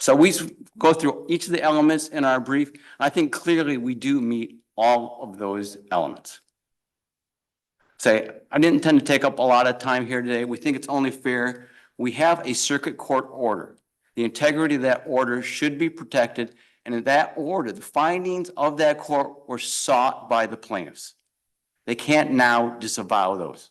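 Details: Adult male speaker; normal voice.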